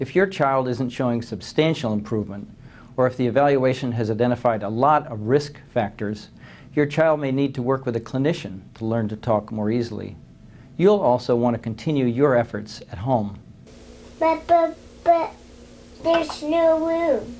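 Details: Adult male narrator, then a child; speech.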